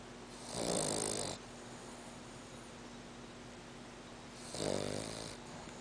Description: This is my French Bulldog snoring. Sometimes she is so loud, I can hear her from the next room.